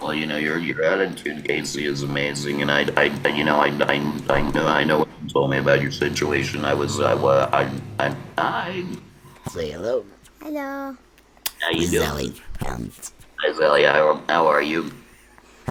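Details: Laryngectomee man who speaks with an electrolarynx (artificial voice) and gets scoped regularly; electrolarynx speech.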